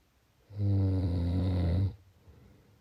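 A single loud, low, rattling snore lasting over a second, with quiet breathing on either side.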